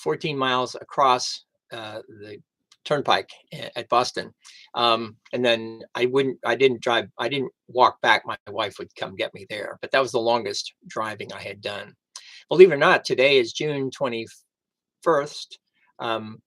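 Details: Aphasia after a stroke on September 26, 2011 in an adult man who initially could not read, write or speak well; recorded about 11 years into recovery.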